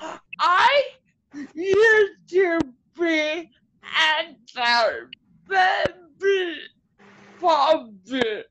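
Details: Adult woman with cerebral palsy whose muscles tighten when she gets excited, making her speech harder to follow; dysarthria (cerebral palsy).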